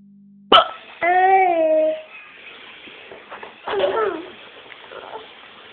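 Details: A sharp, abrupt hiccup from the mother, then a baby's high laughing squeal and a second brief hiccup-like burst; hiccups.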